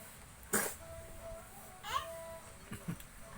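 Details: A child recently vaccinated against polio who then developed cough and flu gives a sharp single cough, then fussy vocal sounds and two softer coughs against household background noise.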